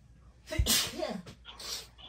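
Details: Girl sneezing triggered by a COVID-19 nasal swab test: one sharp, forceful sneeze with a short voiced tail.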